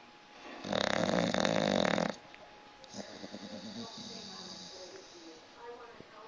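A dog gives a loud, rattling snore, then quieter snuffling breaths; snoring.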